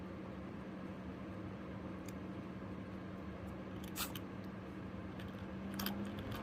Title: Guinea pig sneezing - hughug a guinea pig